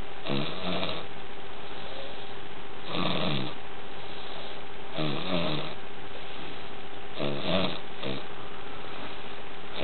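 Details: Repeated rattling, vibrating snoring about every two seconds during sleep, over steady room hum.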